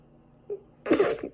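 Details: Sneezing probably from dust allergy, with a recent cold causing ongoing cough and runny nose: a short sharp intake of breath, then a single voiced burst of air; one sneeze.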